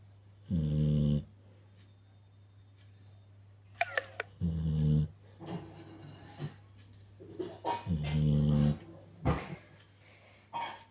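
A sleeping dog gives three long, low, rumbling snores, roughly 16 a minute, in a quiet room.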